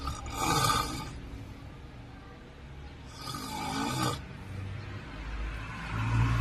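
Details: Loud, fierce snoring from a sleeping person, described as sweaty, continuing to the end: snoring.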